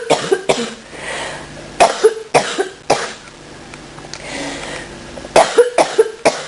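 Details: Adult recovering from a cold and bronchitis, feeling much better, gives short, partly stifled coughs in three clusters after first trying to hold them back.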